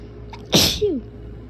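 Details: Person with allergies, taking daily allergy medication, one sharp, forceful sneeze with a hissing burst and brief falling voiced tail; sneeze.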